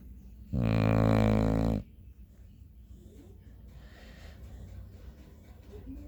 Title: Dog Snores Like Human